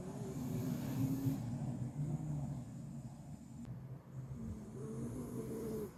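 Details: Miniature Schnauzer snoring loudly and persistently while lying beside another dog: low, rough snoring with steady rumbling rhythm and faint room noise.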